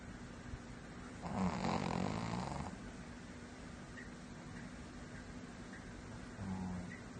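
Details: Sleeping cat snoring: one soft, low, rattling snore, with the start of another at the end, over quiet room noise.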